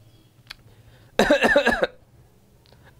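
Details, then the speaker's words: Imitated cough: an adult demonstrates a short run of three quick, voiced coughs, a cough coming in three paroxysms. "so cough in three peroxisms and that's the cuff of Cupra Metallica where you have cough in three peroxisms"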